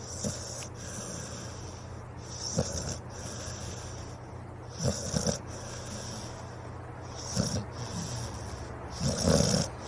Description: Dog Snoring